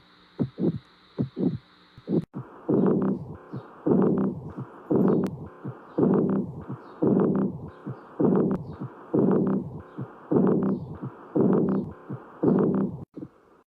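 Repeating low, prolonged whooshing beats with a steady rhythm; an abnormal heart sound recording.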